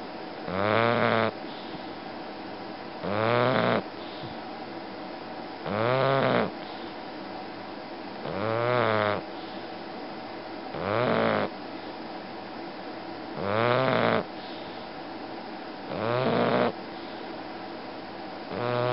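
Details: Bulldog snoring: loud, regular rattling snores about 23 a minute, each a rising and falling honk on inhalation.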